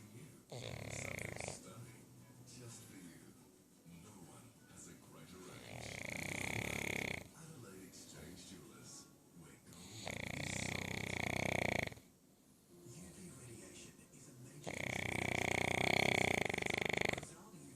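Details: 9-month-old Australian Bulldog napping after a big walk: loud, rattling, whistly snores every four to five seconds, about 13 a minute.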